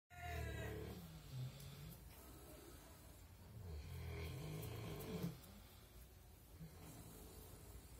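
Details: Sleeping pigs snore on while a rooster crows: low, grunting, rattling breaths in slow rounds with farmyard noise behind; snoring.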